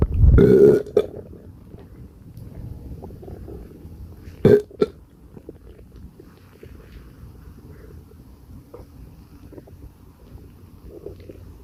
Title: Gassy Stomachache noises and burps 💓💓😵‍💫